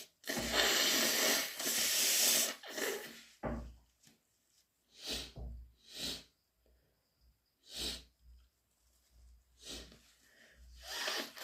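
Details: Cat-allergy-induced wet, half-stifled sneezes: a long hissing burst followed by a series of short, muffled, half-held sneezes with breaths between.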